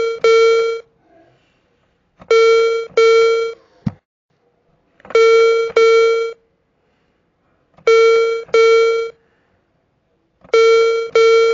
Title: Hearing aid low battery tone sound effect